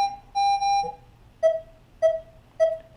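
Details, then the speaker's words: Pulse oximeter with sensor on an adult's finger during a home-care teaching demonstration for newborn use: two longer alert tones, then short regular beeps about every 0.6 seconds, one per heartbeat, roughly 100 a minute. "every time a heart beat this machine is going to audibly beep unless you know and you can make it go loud louder or you can turn it down with this"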